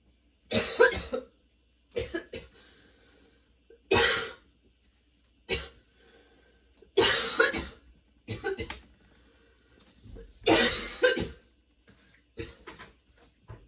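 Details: Sudden-onset, nonstop, worsening coughing fit bringing tears and frequent position changes: repeated harsh cough bursts, often in pairs, with quiet gasping breaths between; a prolonged coughing fit.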